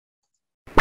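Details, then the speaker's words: Normal multiphasic arterial Doppler signal with several components in each cardiac cycle, recorded by point-of-care Doppler of a lower-extremity artery (the posterior tibial artery is mentioned) and played several times as a quiz example. "so what does this arterial doppler signal indicate and i'll play it a couple of times here"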